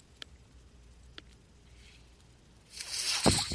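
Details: Podcast host's own mechanical ventilator in a quiet room as he speaks: two soft valve clicks, then a rising airy whoosh of delivered air; mechanical ventilator noise.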